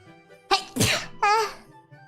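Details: Single sneeze from a streamer during a livestream who reports sneezing many times that stream: sharp indrawn breath, explosive sneeze, voiced trailing exclamation over faint background music.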